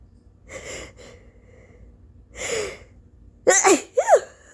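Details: Early-morning sneezing fit: sharp in-breaths build into two quick loud sneezes in a row, from an exhausted person with a very snotty nose.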